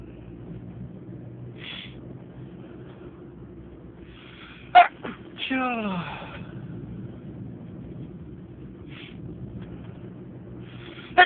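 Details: Sneeze: one sharp burst followed by a squeaky falling sound, over a steady background hum.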